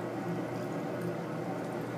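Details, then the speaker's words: Adult woman using a neti pot for cold and sinus congestion, pouring saline solution into one nostril with her mouth open: steady gurgling, trickling liquid as it flows through the nose during nasal irrigation. "Now, as you are doing this, you're going to hear some noise in your ears, because if you are congested, it's actually clearing up your congestion in your nose."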